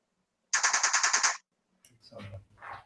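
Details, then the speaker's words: TMS therapy coil (MRI-like magnet) placed next to a patient's head, who shows no discomfort: quick burst of about eight sharp, loud clicks then a voice; TMS pulse train, likened to an MRI sound. "So it makes a sound kind of like an MRI machine. So it's kind of thinking here."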